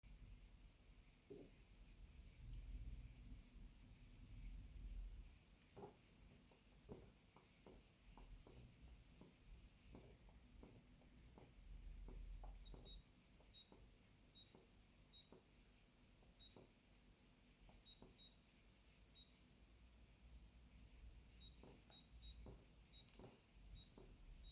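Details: Blood pressure monitor measuring through clothes with a Korotkoff-sound listener: low cuff rumble and soft clicks, then short high beeps roughly once a second as pulse sounds are detected.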